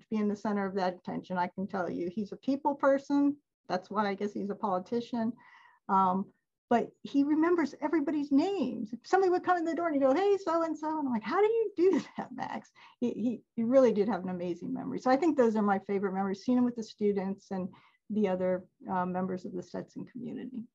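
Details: Adult woman speaking; normal speech.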